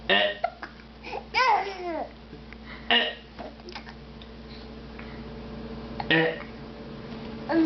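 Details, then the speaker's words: Infant eating sweet potatoes while laughing at dad, with hiccups: short, abrupt voiced catches recurring irregularly, about three in several seconds, amid soft babbling and low room hum. He is also choking and coughing. "Oh, he's got it. You got a hiccup?"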